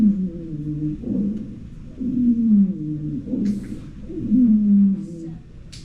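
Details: Monophonic wheeze from lung-sound teaching software played in a nursing class: a single, low, almost whale-like musical tone rising and falling with each breath, about 27 breaths a minute.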